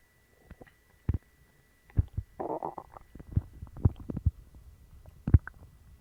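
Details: Person with a bellyache and loose bowels after eating dog treats: irregular gurgles, pops and a short rumbling growl from the belly as gas and fluid move; stomach growling (borborygmi).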